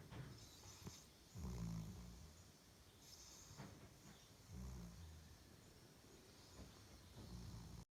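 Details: Tibetan mastiff puppy sleeping in the daytime: low, rumbling snores with each breath, about 4 in 8 seconds, over steady room hiss. Ordinary snoring.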